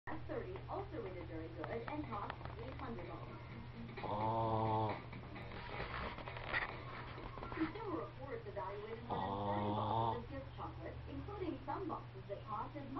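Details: Napping dog that sometimes snores very loudly: two rumbling snores about five seconds apart, with talk and room noise in the background.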